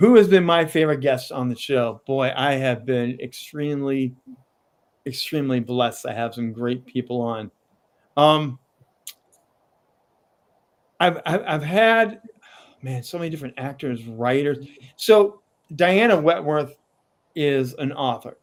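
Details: Adult man with a lifelong stutter, still tripping over words at times; stuttering.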